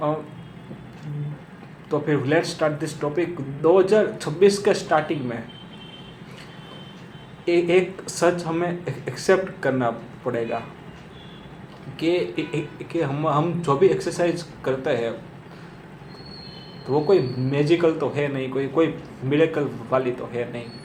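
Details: Adult male who says he himself stammers, speaking Hindi, with word repetitions; stuttering.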